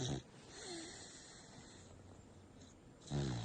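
Low, rough, rattling breath sounds at the start and end, with a quieter pause between; a sleeping dog snoring.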